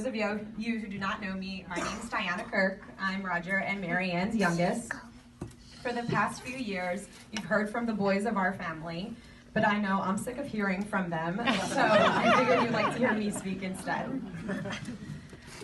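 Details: Adult woman; normal speech.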